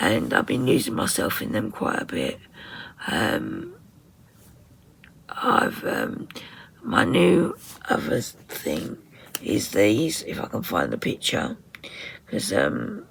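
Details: Woman with very tight, stressed muscles around her vocal cords, voice sometimes distorted or hard to understand, attending speech therapy; muscle tension dysphonia.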